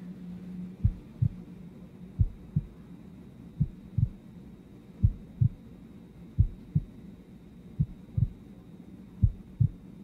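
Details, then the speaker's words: Patient listening to own heart through stethoscope in a simulated ASMR exam: clear, regular lub-dub at about 43 beats a minute, no murmur; normal heart sounds. "okay there you go it's pretty neat isn't it your heart sounds normal and I don't hear any buoys which are good"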